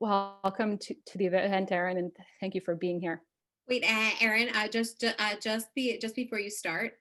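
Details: Stuttering in an adult who stutters, opening a live online stuttering community event, with sound repetitions audible.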